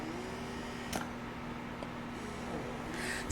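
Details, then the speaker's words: Momcozy S12 wearable electric breast pump in expression mode at level nine, its maximum, heard up close: quiet steady motor hum with faint rhythmic suction pulses; fairly quiet at highest level. "it also goes up to level nine so i will let you hear level nine i'm really close this pump is not that loud thankfully so that is it on level nine"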